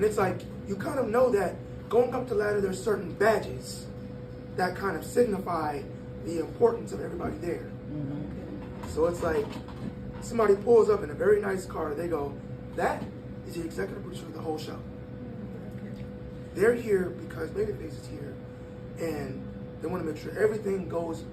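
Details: 22-year-old man born prematurely at about one pound whose vocal cords had to develop as he grew and still don't close all the way; breathy voice from incomplete vocal fold closure.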